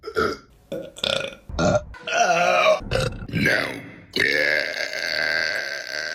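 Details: A run of loud, voiced belches from women, several short ones and then a long drawn-out burp; burping.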